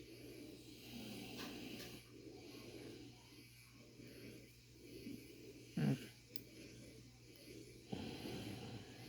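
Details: Man snoring during ingrown hair removal from his beard after a shower: soft, low, rough breaths about every 2 seconds with one brief snort, light snoring over background hum.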